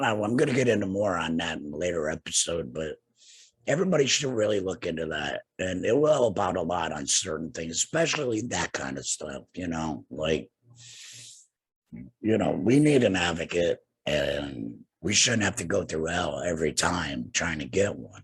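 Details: Adult man two years after laryngectomy for cancer with radiation and chemotherapy, breathing through a neck stoma and speaking with a tracheoesophageal puncture voice prosthesis and an HME: tracheoesophageal speech after laryngectomy.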